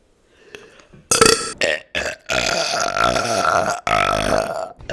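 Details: A long, loud, deep voiced belch after a couple of shorter ones, croaky vibration throughout, from a compilation of burps; burping.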